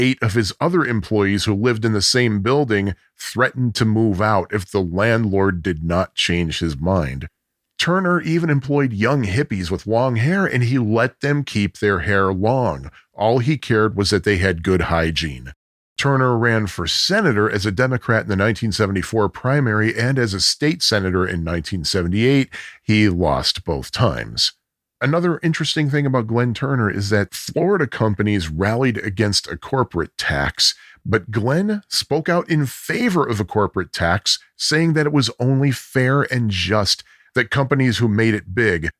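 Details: Adult male narrator, possibly a synthesized voice; normal fluent speech.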